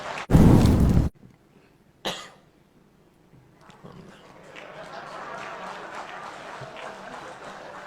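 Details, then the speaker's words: A president coughing once, loudly and deliberately, into a microphone during a speech as a humorous reply, followed by a softer throat sound and rising crowd noise; voluntary cough. "ada momen menarik saat Presiden berpidato membuka rekornas sengaja batuk untuk membalas pernyataan ketua umum PBB justru Mahendra mengenai sosok pemimpin zaman dahulu"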